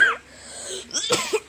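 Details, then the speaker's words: Cough from a boy who is ill with fever and cough after playing and cycling in rainwater. "थोड़ी खांसी भी आती है।"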